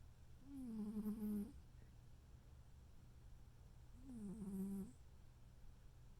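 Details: Noodle, a cat, snoring softly in sleep: two soft, rumbling, slightly whistling breaths about four seconds apart.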